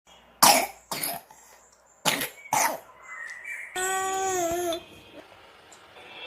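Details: Infant with a cough and cold (frequent coughs and colds since 2 months old, suspected allergy-related): four short, wet-sounding coughs followed by a brief whimpering cry.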